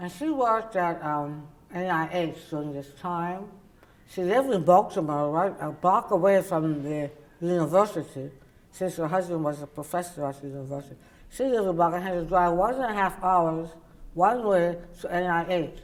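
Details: Adult woman, oral cavity cancer survivor treated with partial glossectomy and tongue reconstruction then radiation; her tongue cannot reach the roof of her mouth and she uses a palatal appliance; others struggle to understand her; articulation disorder after partial glossectomy.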